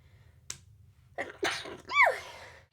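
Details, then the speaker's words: A woman describing a serious sneezing issue: quick inhaled gasps, then a single explosive sneeze with a voiced trailing cry. "I have a serious sneezing issue right now"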